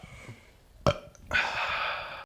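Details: Burp compilation of two brothers: a sharp click, then a drawn-out, rough, throaty belch lasting about a second; burping.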